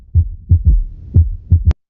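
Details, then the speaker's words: Cardiac auscultation teaching example: low, dull heart sounds with an extra soft early beat after the second sound, giving a gallop rhythm; third heart sound (S3). "Vale, ese sería el tercer ruido que no siempre no siempre se asocia a cardiopatía, pero bueno, todo paciente que tenga un tercer tono pues sí que sucediaría hacer una eco"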